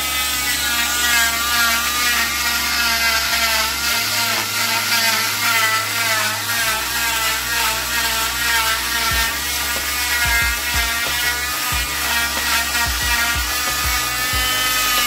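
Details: High buzzing whine with wavering pitch from an oscillating cast saw cutting off a boy's arm cast covering the wrist and elbow, with music in the background.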